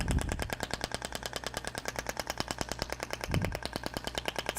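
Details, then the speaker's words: Thork (IBRAMED) radial shockwave device in a practical training demo: radial applicator delivers its last shots while moving over the musculature, giving a rapid, steady train of sharp clicking pulses, about three per second. "com aplicador Radial tô distribuindo a esses últimos disparos eu vou fazer movimentando"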